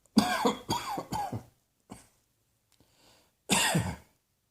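A run of three harsh, rough coughs, a faint fourth, then another harsh cough after a pause; repeated coughing.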